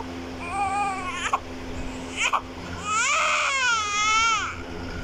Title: Crying newborn Baby Child Sound Effect 2024